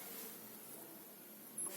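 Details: Soft hiss with a brief sharp puff near the end as a metered-dose inhaler is actuated, demonstrating inhaler technique for asthma, COPD and cough.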